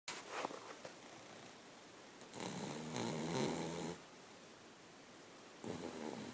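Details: Italian Shih-tzu dog snoring: rough, rattling breath noises, louder on some breaths, over quiet room noise.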